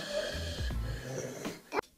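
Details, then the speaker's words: Child with croup starting that morning, hoarse voice, viral airway swelling: long, high-pitched, musical inspiratory stridor on breathing in. "There's different viruses that cause some swelling right here. And then it makes you hoarse. And you go like that."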